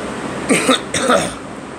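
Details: Two short, slightly voiced coughs from an adult over steady background hiss; cough.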